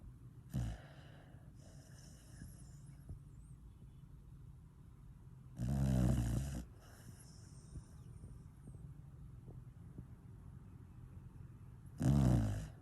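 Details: Dog asleep while the owner is awake, with plough-like snoring: deep, rumbling snores about one every six seconds, with quiet breathing between them.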